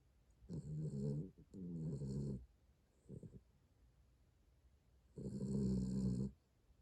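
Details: Sleeping pet dog recorded snoring on 2021-11-04: low, rumbling snores with brief snorts on in-breaths; ordinary snoring.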